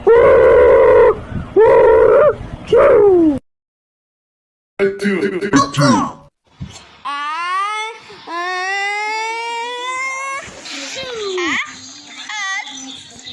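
Several short, high-pitched newborn cries in a row, then a longer rising wail; an ordinary infant cry.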